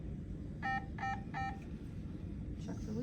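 Three short, evenly spaced electronic beeps over low room rumble: a high-flow oxygen unit running its leak check during setup.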